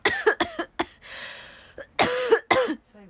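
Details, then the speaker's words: Several short, harsh coughs in quick bursts with a throaty, wet-edged quality; frequent cough attributed to recently developed asthma, with no cold, fever or runny nose. "今、喘息でめっちゃ咳出るんですよ。ごめんなさい。"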